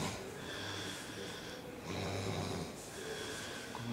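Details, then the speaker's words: Sleeper at night; loud, rough snoring in repeating cycles with low rattling breaths over steady room noise: snoring. "uno de los ronquidos más tenebrosos de esta noche. Compadezco a los compañeros que están al lado, campuseros."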